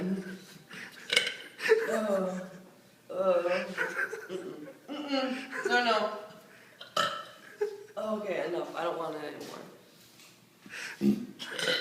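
A series of loud, drawn-out voiced belches with brief laughter between them. Repeated burping.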